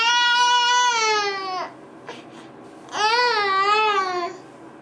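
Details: Sleeping female, completely asleep with eyes closed and head on mattress, a long-standing habit that sometimes wakes her: two long, tuneful moans with falling pitch and a quiet pause between, sleep moaning (catathrenia).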